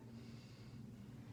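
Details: Nasal patency check during head-to-toe nursing assessment: brief, soft breath through one nostril with faint snort-like airflow; normal nasal breathing.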